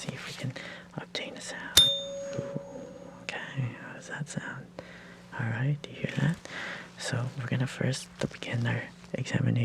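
A struck tuning fork rings with a clear, pure tone that slowly fades, among soft whispered speech in a role-play ear exam.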